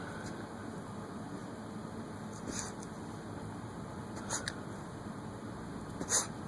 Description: Lhasa apso, One Eyed Willi shows his super power, the sneeze of indignation!